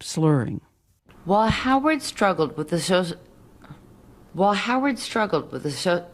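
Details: Real audio tape of an adult woman reading copy while drunk, recorded over two years earlier; she could read the words but couldn't make her mouth say them, struggling with simple words; slurred speech from alcohol intoxication.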